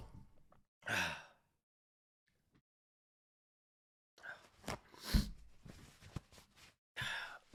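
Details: Male streamer who says he has allergies: several quick sneezes with short gaps between them in a quiet room, a rapid run of sneezes.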